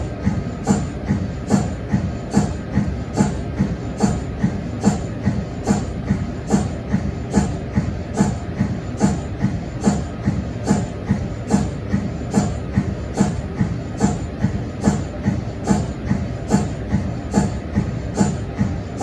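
Steady rhythmic thumping pulses, about 72 a minute, over a low hum: the normal pumping of an MRI scanner's cold head.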